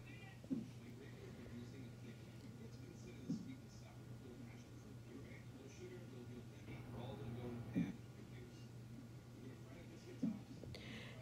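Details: Pregnant woman in labour and delivery having contractions, with suspected ruptured membranes and leaking fluid: four sharp thumps a few seconds apart over a steady monitor hum, fetal hiccups.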